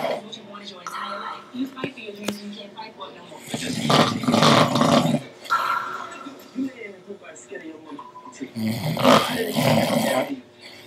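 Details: Deep, rough, rattling snores on in-breaths with softer breathing between them, in a small quiet room; loud snoring.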